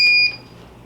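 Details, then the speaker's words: Inogen One G4 portable oxygen concentrator powering on, set to flow setting 3: a single short, high, clear beep that fades quickly. "you'll hear it come on here in a second you'll see enen up here on screen and you can hear it now it's a pretty quiet unit right now it's on a setting of three"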